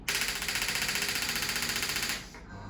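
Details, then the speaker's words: Rapid, even train of sharp clicks, about fifteen a second for two seconds, as a Storz Medical D100 focused shockwave unit's compressor drives its bullet back and forth; shockwave therapy device firing. "the compressor pushes that bullet back and forth really fast, and that's each time it goes back and forth, it's called a shock."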